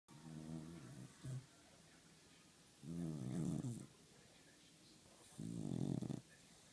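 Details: A dog resting on a couch snores in slow, regular, low rumbling bursts, about 22 breaths a minute: snoring.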